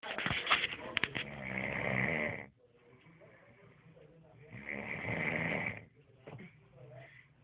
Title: RONQUIDO ( RELLENO )